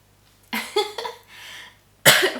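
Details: A few short, harsh cough bursts in a quiet room during a French knitting podcast recording.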